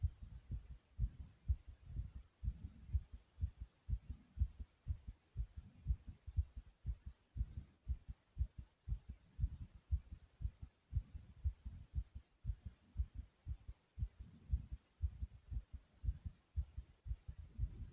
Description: In this video you can hear my heart beating and some breathing. it was also very Thumpy as well.